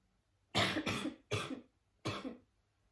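Three short, harsh coughs within about two seconds, the first doubled; a quick bout of dry-sounding coughing in a quiet room.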